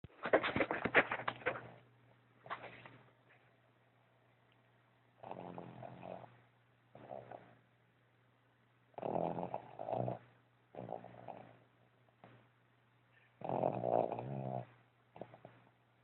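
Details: Dog snoring: repeated rattling snores with snorting, roughly every two to four seconds, over a low steady hum.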